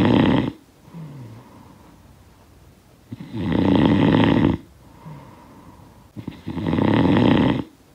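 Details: Snoring sound effect of a sleeper: loud rattling snores on each breath in with quieter breaths out, roughly 20 breaths a minute; ordinary snoring.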